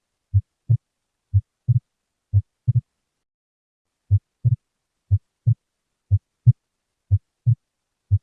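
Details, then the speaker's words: Wide splitting of S2 in a patient with ventricular septal defect: slow, regular heart sounds with the second sound split into two distinct close taps, suggesting delayed right ventricular emptying and a hemodynamically significant defect. "a divisão Ampla de S2 em um paciente com comunicação interventricular seria indicativa de esvaziamento tardio do ventrículo direito é sugestivo de defeito hemodinamicamente significativo subjacente"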